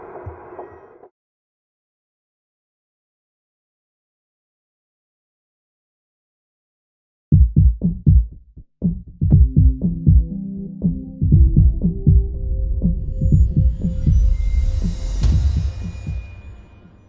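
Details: Live ultrasound Doppler of pregnant women, amplified outdoors: rapid, rhythmic low thumping with whooshing of a fetal heartbeat, after a long silence.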